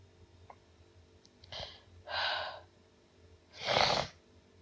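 Three sharp explosive bursts of air, the last the loudest, each with a quick breath before it: repeated sneezing.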